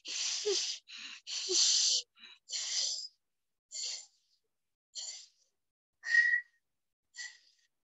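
A lecturer's mouth imitation of high-pitched whistling wheezes, the chest sound heard in severe allergic reactions.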